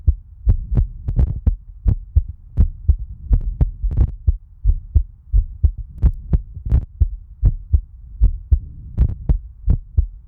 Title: 眼睛感染肿了，今天录心跳就不露脸啦🥺 My Eye Got Infected and Swollen, So No Face Cam for Today's Heartbeat Recording 🥺